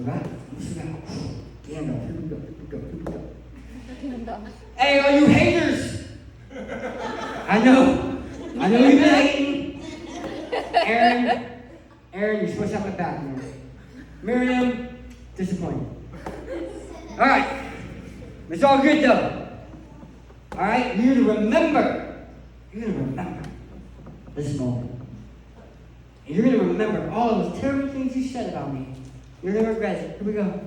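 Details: Adult male who lost 80% of his tongue to cancer, now with a permanent speech impediment; speech impairment after partial glossectomy.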